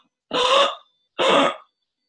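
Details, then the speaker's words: Adult imitates stridor, two harsh, noisy breaths with a high, strained edge, contrasted with the child's actual expiratory monophonic wheeze; child with noisy breathing possibly since birth, suspected congenital tracheal issue masquerading as asthma. "So noisy breathing could be in the form of a stridor, which is something like"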